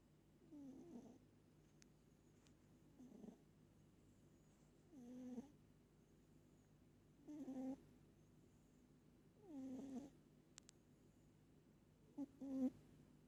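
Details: Pet cat that snores hard every time she sleeps: soft, squeaky snores about every 2.4 seconds, roughly 25 breaths a minute, in a quiet room; ordinary snoring in a sleeping cat.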